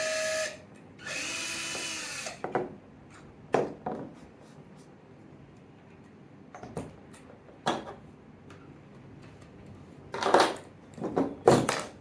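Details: Short bursts of high-pitched power drill whine separated by quiet gaps: a surgical drill boring through bone via a guide sleeve for screws in distal humerus fracture plating.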